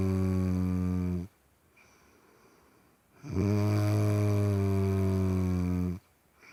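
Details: Sleeping person snoring: loud, low, rattling snores on each breath, separated by quiet pauses.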